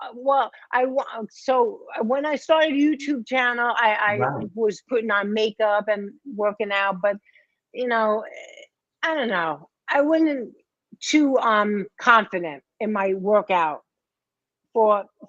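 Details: Post-stroke aphasia in a 57-year-old woman after a major ischemic stroke in 2011 at age 45 affecting her right side and speech; initially unable to talk, now improving but worse with emotion.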